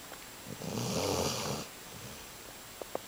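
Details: Basset hound sleeping: a single loud, rattling snore lasting about a second, then quiet; canine snoring.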